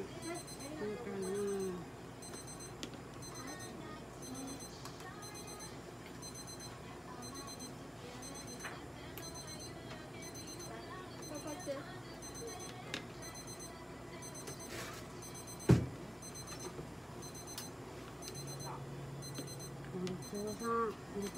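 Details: Papillon dog undergoing ECG examination at a veterinary clinic: steady, evenly spaced high beeps from the heart monitor tracking its heartbeat.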